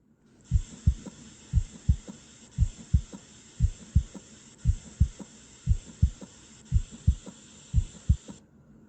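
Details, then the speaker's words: Normally split first heart sound: slow, regular heartbeat near 57 a minute with the first sound split into two close parts. "listen to a normally split first sound"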